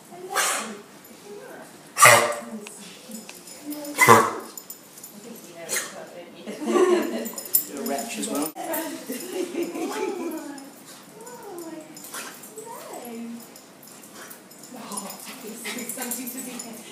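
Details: Dog giving a few harsh, forceful honking coughs with people talking nearby; kennel cough.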